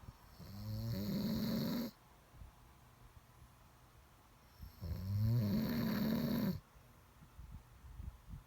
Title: Snoring Sounds